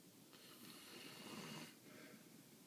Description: Not even a puppy can sleep with that snoring Look how she wakes up every time he snores. Lol